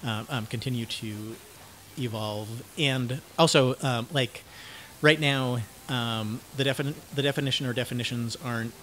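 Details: 49-year-old man diagnosed with cluttering, self-described syntactic subtype, using learned fluency techniques while speaking; cluttering.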